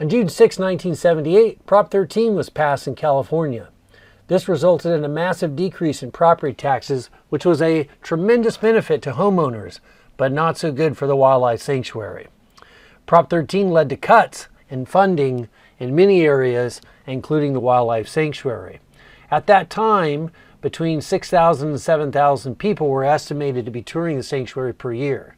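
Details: Adult male narrator; normal speech.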